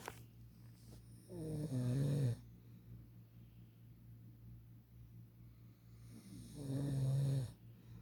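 Two loud, low, rattling snores on inhalation about five seconds apart, with quiet breathing between; snoring.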